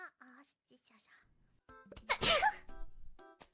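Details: Vtuber on stream: soft speech, then one sudden, sharp, hissy sneeze burst followed by brief voiced sounds, faint background music; sneezing.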